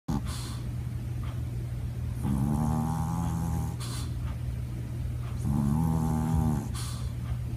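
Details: Sleeping dog snoring: two long, buzzing, rattling inspiratory snores, each followed by soft huffing out-breath, over low background hum.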